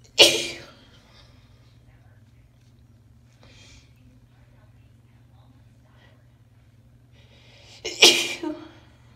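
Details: A woman's soft, sweet sneezes in cold weather: two soft, hissing sneezes several seconds apart in a quiet room.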